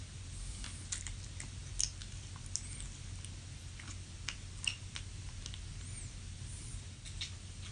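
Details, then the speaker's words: Recorded at home during sleep as a follow-up on one's own teeth grinding: scattered sharp clicks, clunking and gritty grinding/gnashing over low room hum, with a bed creak: sleep bruxism. "t sounds gnarly doesn't that sound absolutely insane like you're hearing like gnashing of teeth like clunking and you're hearing this this grinding"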